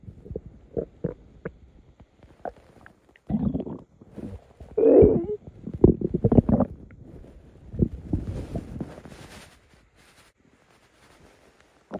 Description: Hungry stomach rumbling at night.